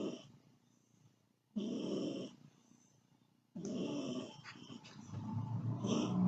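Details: Pet dog snoring while asleep: rough, rattling snoring breaths with short silent pauses, quiet surroundings; snoring.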